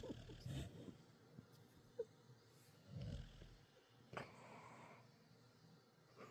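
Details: Sleeping Dachshund/Beagle mix dog snoring loudly at night: low rumbling snores in repeated breath-timed bursts, with quiet room noise between.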